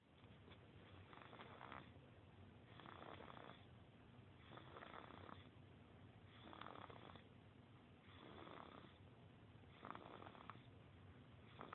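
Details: Baby snoring: soft, regular snoring with a rasping noise on each breath, about 35 breaths a minute, in a quiet room; infant snoring.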